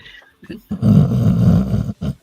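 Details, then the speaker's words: Pit-lab male dog snoring: a loud, low, rattling rumble just over a second long, with brief softer noises before and after; heavy snoring. "Is this something snoring? That's a good That's him. That's the dog. That's the dog in his When he gets to snoring, it's really loud."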